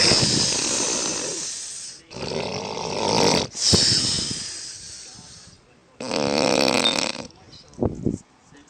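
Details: Loud, harsh, rattling snoring in long bursts with pauses between them, recorded 13/11/2011 by the snorer; very loud heavy snoring.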